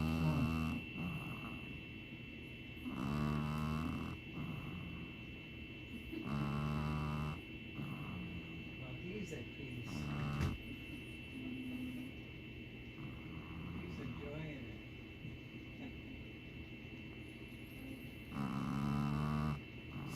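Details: A sleeping pet dog snores with slow, rumbling snores every few seconds while people talk in the background. This is ordinary, harmless snoring.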